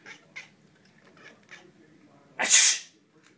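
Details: A single loud, sharp, hissing adult sneeze after a few faint soft sounds, in a quiet room near a cat that reacts to sneezes with a weird meow.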